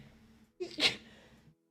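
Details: Quick inhaled catch followed by one sharp, explosive sneeze from a female Twitch streamer during a live stream, part of a compilation of her rapid sneezes.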